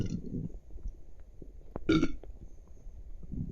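Low gurgling bowel rumbles, then a short burp; ordinary gut activity and eructation.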